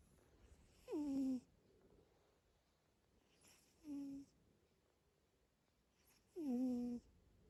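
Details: Sleeping cat snoring: three short whistling, falling-pitch breath sounds roughly every 2.5 seconds in a quiet room.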